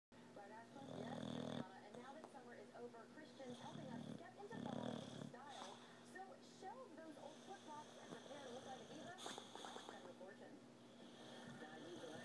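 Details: Pappy, a sleeping boxer dog, snoring with lips flapping: snorting, rumbling snore bursts with room noise in the background; snoring.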